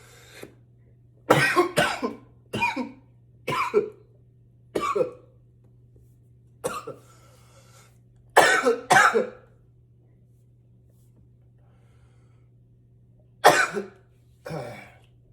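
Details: About ten intense, forceful, harsh coughs in short bursts and pairs over fifteen seconds, over a steady low hum.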